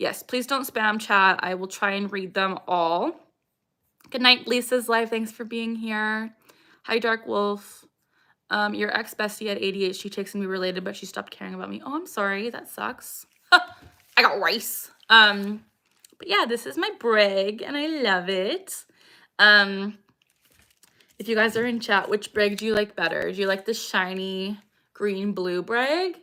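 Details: Vocal tic from Tourette syndrome in a 26-year-old woman: a repeated phrase tic.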